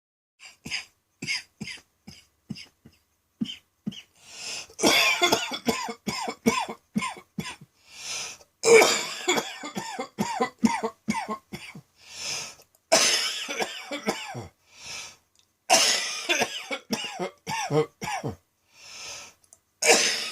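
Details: Midday coughing fit recorded on a phone after a felt throat tickle, leaving the person light-headed: an adult coughs in a long, forceful run of repeated bursts with only brief gasps between them.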